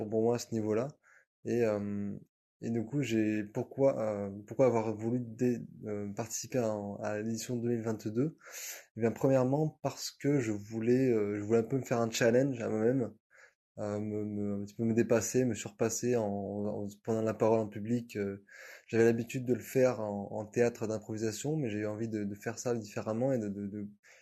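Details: Cluttering in a 29-year-old French-speaking man since adolescence, worsened after a traumatic brain injury, diagnosed by a speech therapist at 27; very fast speech, sometimes partly unintelligible.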